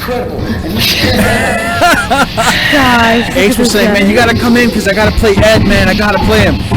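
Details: Adult male speaker; Normal voice.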